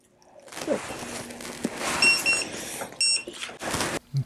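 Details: Full-mouth dental radiograph series on a returning patient, front-teeth views: short high-pitched electronic beeps from a dental X-ray unit during exposure, with room noise and handling sounds.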